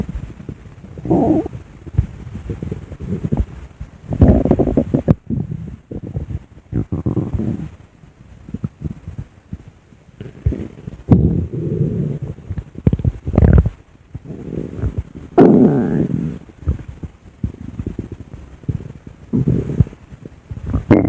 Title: my recorded stomach growling w/art